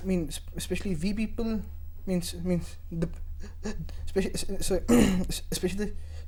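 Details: Stuttering (stammering) in a young male member of a stammering association, about one month in the association; he also reports dyslexia.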